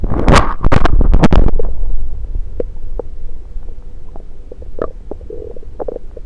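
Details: Gurgling and clicking bowel sounds (borborygmi) recorded with a stethoscope placed on multiple parts of the person's own belly, with loud handling bumps at the start.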